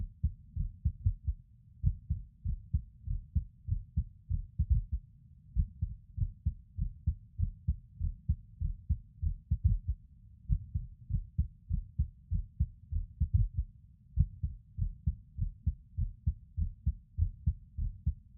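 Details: Male lying on his bed recording his own skipping heartbeat: low thumps near 100 a minute, uneven spacing and occasional pauses, fitting skipped beats.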